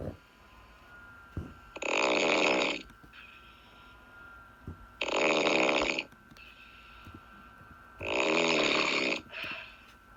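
Loud, harsh, buzzing snores on inhalation, three in ten seconds, about 18 a minute, with softer breaths out between them and a faint steady tone behind.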